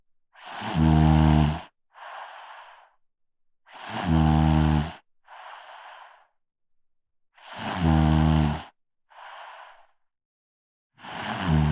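Loud, rattling snores on each breath in, each followed by a softer breath out, about 17 breaths a minute.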